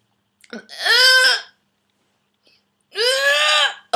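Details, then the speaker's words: Adult with whooping cough at the start of week five of illness, treated with codeine liquid and a vaporiser: a brief cough catch followed by two long, high-pitched crowing in-breaths while struggling to get air in, the pertussis inspiratory whoop. "I just wanted to show you that cuz I'm doing that this morning which is better than the fullon hack but um that's kind of what you need trying to get air in"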